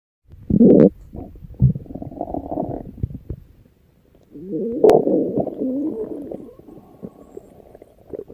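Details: Stomach growling (borborygmi).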